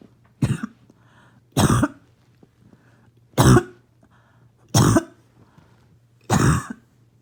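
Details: Adult barking cough: five harsh, low, barking coughs, evenly spaced with quiet pauses between them.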